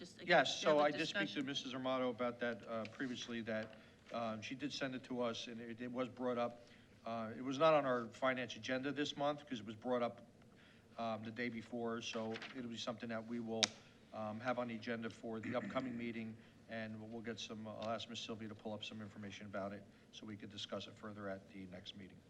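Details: Adult man speaking; ordinary speech.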